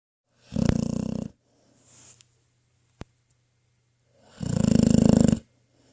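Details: 10-year-old female pit bull asleep and dreaming in her bed: two loud, rumbling, fluttering snores with a quiet breath and a brief click between them; snoring.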